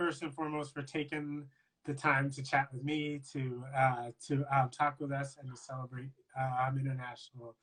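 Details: Adult man who stutters, speaking in a live conversation for International Stuttering Awareness Day; stuttering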